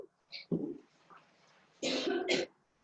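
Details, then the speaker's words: Adult with asthma, worsened by cold morning air, about to speak at a council hearing: a few short coughs and throat clearing in a small room. "Excuse my voice. If I start coughing, I'm asthmatic and the cold air is affecting my asthma in the morning, so my apologies."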